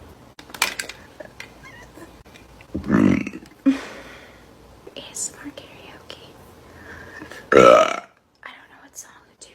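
Two loud, drawn-out voiced burps among soft whispering and small mouth sounds; belching, air brought up from the stomach.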